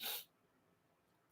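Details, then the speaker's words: One short, harsh cough burst from an adult woman who woke with fever, head congestion and a cough she describes as deep and hollow, followed by near silence. "I I am getting sick pray for me y'all I woke up this morning with a fever and this horrible cough that sounds"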